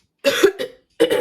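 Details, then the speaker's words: Fully vaccinated woman who tested positive for COVID, who also reports very bad allergies, repeatedly clears her throat after it started feeling funny in the car at symptom onset; dry cough. "but as soon as i left home and got in a car that's when my throat started feeling really funny and i kept having to do that to clear it up"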